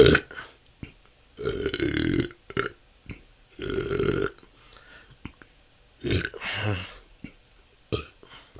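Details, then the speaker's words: Adult with frequent voiced belches, about one every two seconds in long back-to-back runs, part of 10 continuous minutes of natural burping; episodes can last hours, a long-standing struggle. "that's 10 minutes this can go on for hours"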